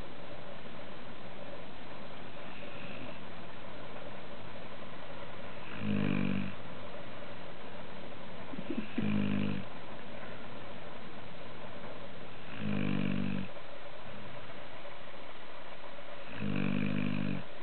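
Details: Four low, rattling snores about every three to four seconds over steady background hiss, recorded while he slept after being worn out; ordinary snoring.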